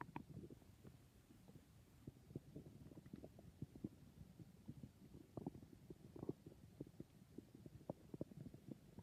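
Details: Stomach growling (borborygmi): continuous low gurgling and bubbling with frequent small pops; ordinary, harmless bowel sounds.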